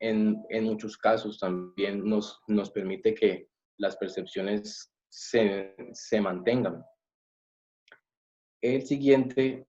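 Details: Adult male who says he is a person who stutters; stuttering.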